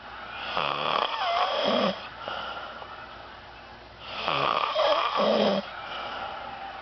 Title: Snoring